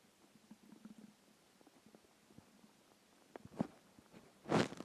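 Soft low gurgling and faint crackly rumbles, then a louder gurgle near the end; hunger growling of the stomach.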